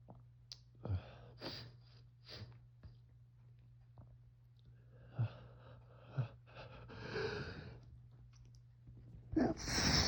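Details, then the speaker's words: Repeated allergy sneezing in an adult just woken in the morning by autumn allergies, suspected ragweed or mold from dead leaves: several soft sneezes and sniffs in a quiet room with low hum. "And again, just the most overwhelming wave of tickles. That's definitely That's definitely allergies."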